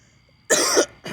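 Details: Adult woman, heavy congestion and feeling sick, coughs while talking, then says she is suddenly out of breath; a single harsh, wet cough burst and the start of a second: congested cough.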